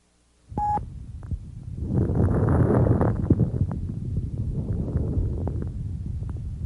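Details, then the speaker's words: Lung auscultation recording of high-pitched crackles: a brief beep, then breath noise with many tiny, sharp, short explosive non-musical pops scattered through breathing; fine crackles. "crackles are short explosive non-musical sounds they may be classified as high or low pitched high-pitched crackles are also called fine crackles"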